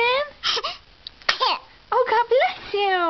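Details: Infant crying: short fussy cries and whimpers with quiet gaps between them; ordinary infant cry, around sneezes, before mother coaxes smiles.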